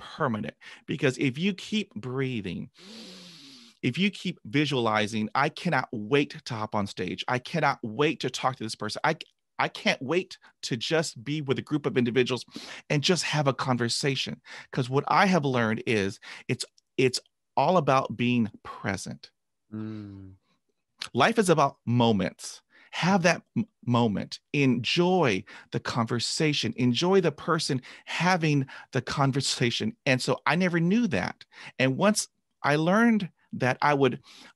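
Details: Adult man stuttering for about 45 years since a traumatic dog attack at age 5, with 20 years of speech therapy, describing repetitions and blocks; word repetitions audible; stuttering.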